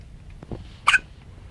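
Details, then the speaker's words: Baby girl with hiccups, being held with head up: a single brief, sharp hiccup-like burst in a quiet room, a soft lower sound just before it; hiccups. "okay we have to make her hiccup stop how i know how oh you're gonna break her head you gotta put her head up more all the way up here okay no more i had to get rid of her hiccup before she dies"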